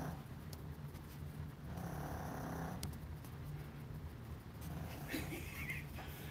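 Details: Sleeping female pet: soft rough breathing noises rising and fading about twice over a steady low hum; snoring.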